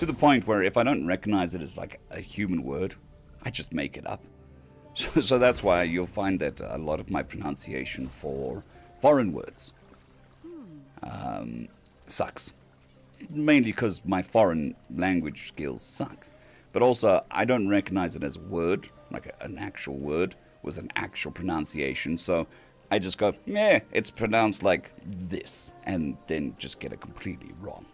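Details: Male patient recovering from vocal cord surgery (day 2 of recovery), cords mostly healed but with lost strength and stamina, physiotherapy pushing the voice, laryngitis-like quality; dysphonia after vocal cord surgery.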